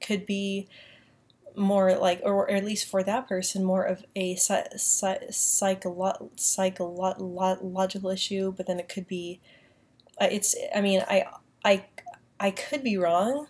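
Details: Woman with a self-described mild stutter that she says lessens when she uses a British accent, speaking in her normal accent; repetitions, stuttering.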